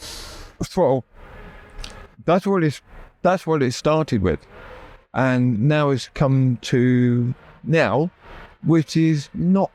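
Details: Adult man with persistent aphasia after a near-fatal stroke that paralysed his right side; he had to relearn speech, left hospital able to say only three words, and still knows what he wants to say but words come out differently.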